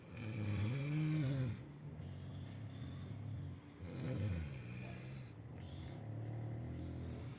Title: Super Snoring